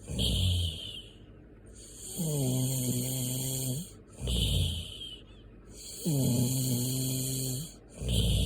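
Loud rattling snores on each breath in, with a steady background hiss, about 16 breaths a minute; snoring.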